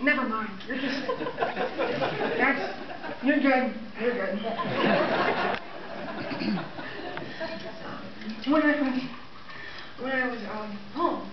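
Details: 23-year-old woman about one year after a massive left-hemisphere stroke affecting understanding and speaking, with lower right visual field loss in both eyes. She reports persisting speech problems with word recall difficulty: aphasia (word-finding difficulty).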